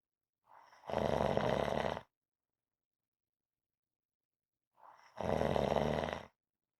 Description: Rhythmic snoring audio to relax to